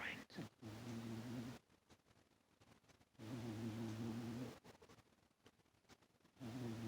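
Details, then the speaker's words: Cat snoring loudly while sleeping and rolling on owner's lap: low, rattling snores about one every three seconds with quiet pauses between; ordinary snoring. "He's sleeping on my lap, rolling like that and snoring."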